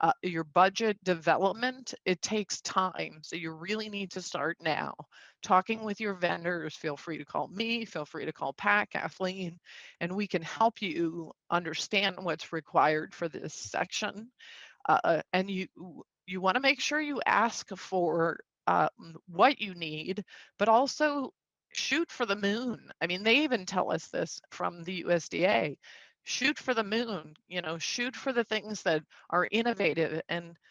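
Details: Man with spasmodic dysphonia, a neurological vocal cord disorder he says acts up; diagnosed a couple of years after 2001 through a telemedicine consult; spasmodic dysphonia.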